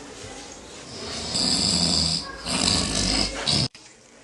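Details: Two harsh, rasping snores on breathing in, with a noisy hiss, then an abrupt cut-off; snoring in an advert for an anti-snoring product.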